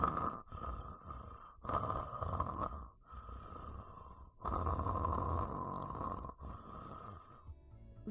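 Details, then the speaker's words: Loud, harsh, buzzing snoring in quick repeated bursts with short pauses from a man with a cold and blocked nose, keeping his partner awake. "Weil sein Schnarchen ist furchtbar, wenn er erkältet ist."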